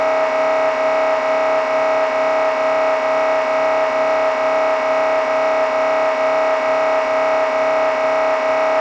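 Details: MRI scanner noise heard during imaging: a loud, steady, rapid buzzing hum pulsing about 130 times a minute. This is a sample sound to prepare patients, including children, for a scan.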